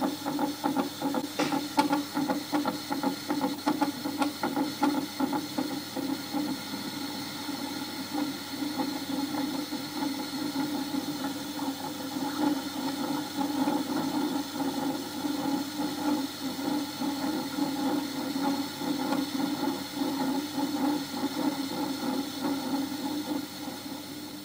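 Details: Daphnia (water flea) heartbeat made audible by laser light: coherent light focused on the heart, with scattered-light intensity variation and Doppler beating fed to a loudspeaker, giving a steady buzzing hum with a fast, faint pulsing flutter.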